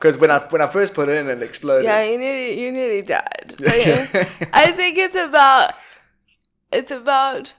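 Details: Adult conversational speech, possibly two speakers; typical speech.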